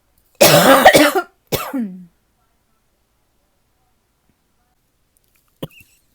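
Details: Person with a bit of a cough put down to the change in weather, otherwise not sick: a couple of short, dry coughs followed by a throat clear.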